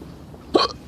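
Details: Hiccups from a person in West Philadelphia, who is asking how to cure them.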